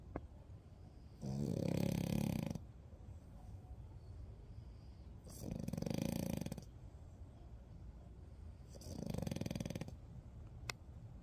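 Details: Ordinary snoring from a sleeping French bulldog puppy: three rough, fluttering snores on breathing in, about 16 breaths a minute, with quiet room noise between.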